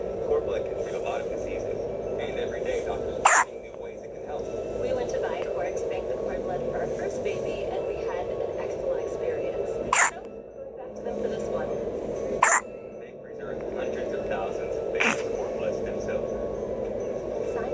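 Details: Four brief, abrupt hiccups at irregular intervals over steady background noise, from a one-day-old newborn girl who also hiccuped nightly in the womb.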